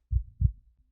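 One soft, low lub-dub heartbeat, two dull thuds close together.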